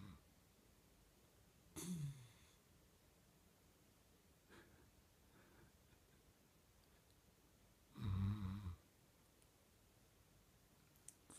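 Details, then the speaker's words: Female Basenji dog snoring while asleep, only the tail end captured: two low, rumbling snores about six seconds apart with soft breathing between, in a quiet room. "you were snoring. Oh, girlie. Not very ladylike."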